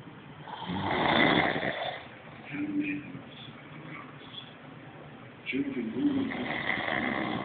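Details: Adult man asleep on a couch: loud, rough snores on each in-breath with quieter breathing between; ordinary heavy snoring.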